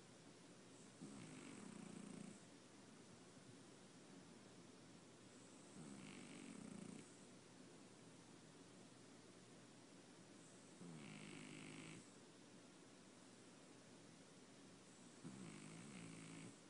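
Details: A sleeping pet cat snores in soft, rough bursts about every four to five seconds: snoring.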